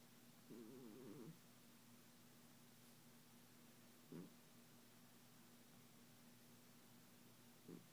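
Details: Cat snoring: a soft, fluttering, rattly sound on the breath, followed by two brief snorts.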